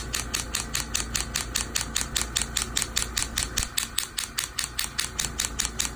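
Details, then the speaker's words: Steady sharp clicking pulses about 74 a minute over a low hum: extracorporeal shockwave device applied with gel around the affected area, then toward the tendon, for Achilles tendinitis in a young man after PRP injection. "very important the gel these are acoustic waves so the the gel helps transmit the waves here into the tissues"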